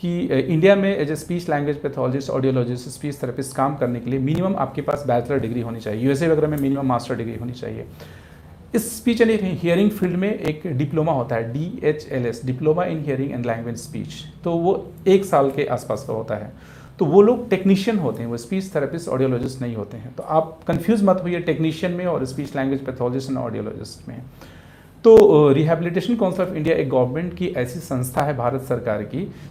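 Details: Adult man speaking; ordinary speech.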